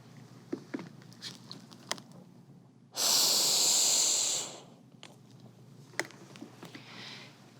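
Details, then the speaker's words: CPR training demonstration: a single forceful rescue breath lasting about 1.5 seconds, with faint clicks and rustling. "if the chest does not begin to rise on the first breath reopen the airway and give a second breath"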